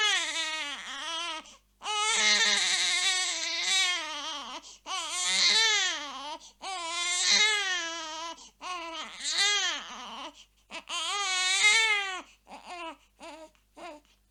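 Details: Baby sound effect: loud, high-pitched infant wails broken by quick gasping breaths, ending in shorter sobs; infant crying.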